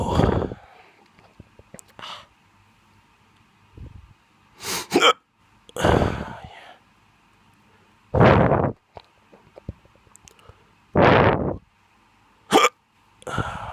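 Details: Drunk hiccups: sudden, sharp voiced gulps recurring every one to three seconds over a steady background hum.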